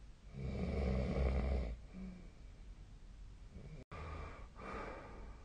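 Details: Sleep snoring recorded on 2025/01/17: a loud, rough inspiratory snore, then quieter breathing and a second snore starting.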